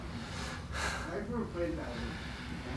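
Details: During a chiropractic session with a 25-year-old man with multiple sclerosis for over 13 years: a sudden sharp intake of breath followed by a brief voiced sound; a gasp over steady room noise.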